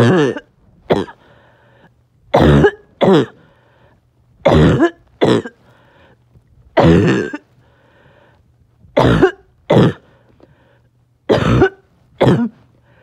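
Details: Six paired coughs, each a harsh, hoarse double bark with a brief pause between pairs, occurring on and off all day; barking cough.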